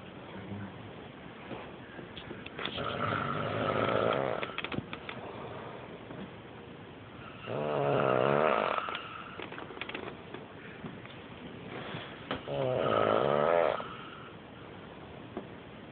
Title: Icy Hot Cures Snoring?